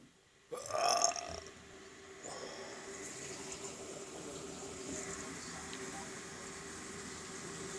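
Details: One loud burp from a person, then steady background noise like running water; burping.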